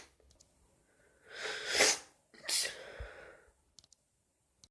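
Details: Sick person with a cold trying to stifle a sneeze: a rising breathy intake, then a forceful hissing burst with a short tail, in a quiet room.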